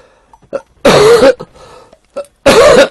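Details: Two loud, harsh cough bursts with short catches between, from an adult livestreamer with a cold, headache, and suspected pneumonia.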